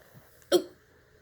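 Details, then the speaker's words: Single short, sharp sneeze from a ferret in a quiet room, triggered by the owner's body spray. "and he just sneezed and sneezed and sneezed didn't you"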